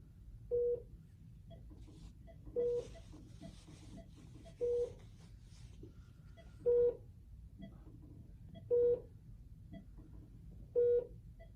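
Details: Training demonstration of admitting a patient to a Philips bedside monitor with a made-up MRN: six short identical mid-pitched touchscreen key beeps about two seconds apart in a quiet room.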